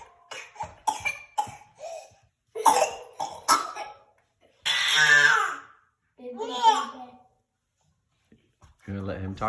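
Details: A string of short, dry playful coughs made to entertain a baby, followed by the baby's drawn-out squealing laughs; not a sign of illness.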